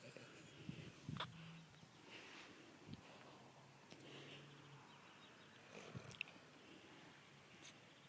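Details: Oscar the French bulldog asleep in a swing: soft, low rumbling snores, a couple of long breaths with quiet gaps and faint clicks in a quiet room.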